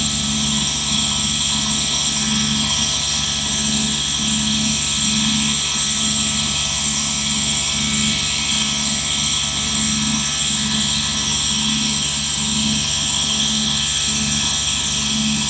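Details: ASMR relaxation/sleep recording of a nebulizer compressor running continuously: a steady mechanical drone with soft rhythmic pulsing and a strong airy hiss throughout.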